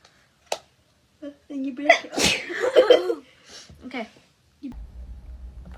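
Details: Young women having COVID-19 nasal swab tests: a sharp sneeze, then gasping voiced bursts and a second sneeze-like burst, set off by nasal irritation from the swab; sneeze.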